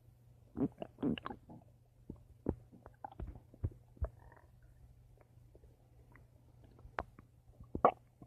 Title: My Stomach Making Noise